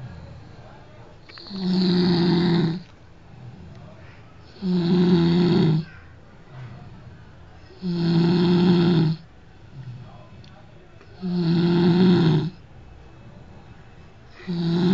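Deep, loud snores roughly every three seconds, about 19 a minute, with rumbling low tones and quieter breaths between; adult snoring.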